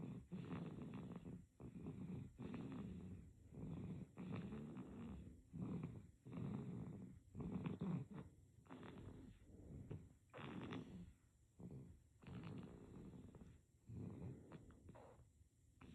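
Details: Baby with soft, rattly snoring on each breath over steady room hiss, breaths about every one to two seconds; infant snoring.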